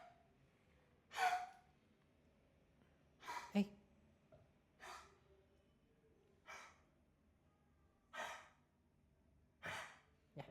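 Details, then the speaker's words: A dog makes repeated harsh, snorting gasps in a quiet room, a reverse sneezing episode. It followed barking and looks like coughing; the dog has since drunk water. "Se escucha mal porque está como tosiendo y todo, pero"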